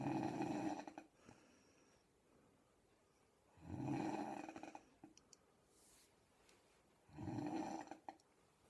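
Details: "Miss Piggy" snore: three loud rattling snores on in-breaths spaced by quiet pauses, about 17 breaths a minute, in a quiet room.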